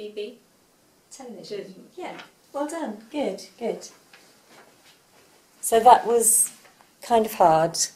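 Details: Adult woman speaking, possibly with a second speaker; normal speech.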